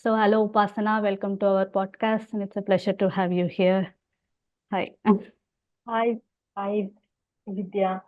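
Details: Adult woman speaking, with a second voice greeting briefly; host speech.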